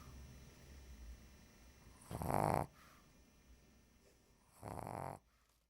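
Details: Female Shih Tzu dog sleeping on the floor during a heat wave: two rasping, rattly snores on in-breaths separated by quiet breathing; noisy snoring, said not to be her worst.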